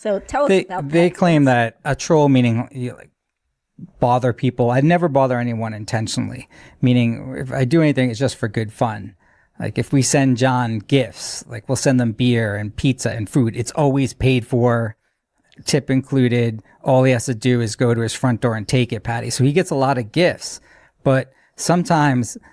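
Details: Adult man speaking; normal fluent speech.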